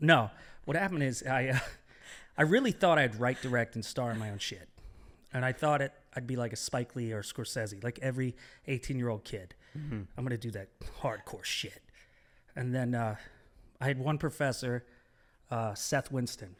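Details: Adult man speaking; typical speech.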